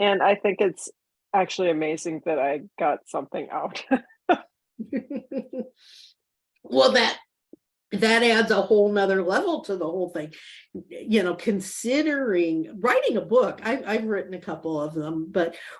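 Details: Aphasia in a woman nine years after a stroke; she can understand others but cannot get words out, and she uses a microcurrent feedback device that she credits with restoring her speech.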